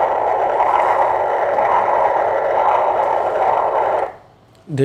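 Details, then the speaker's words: Continuous whooshing Doppler flow in the radial artery feeding a normally functioning arteriovenous fistula. The artery is well matured and has enlarged to 4.6 mm, with good systolic and diastolic flow and a triphasic pattern. "a good flow in the systole and the diastole there's a hole the flow is uh the blood is flowing in the systole in the diastole there's a triphasic flow"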